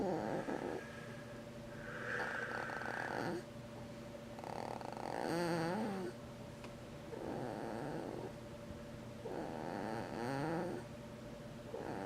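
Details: Rough, rattling snores on each in-breath, roughly every 3 seconds, over a steady background hum, recorded around 9:30 a.m.: ordinary snoring.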